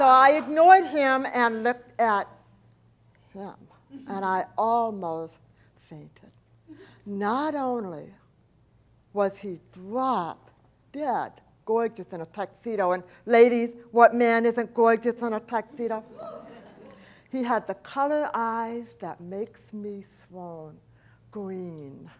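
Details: Adult woman, profoundly hearing impaired since age 4, when a 106-degree fever destroyed about two thirds of her hearing; she does not hear S, CH or T sounds and says her speech is a speech impediment, not an accent; deaf speech.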